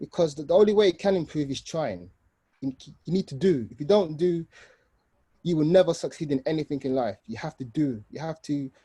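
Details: Adult man, 29, with an aggressive stammer since age 3–5 who uses controlled speech and a breathing technique and still has difficulty saying his name; stuttering.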